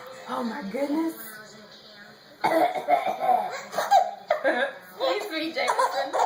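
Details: Cough from a mother: several abrupt adult cough bursts alternating with her infant's giggling laughter.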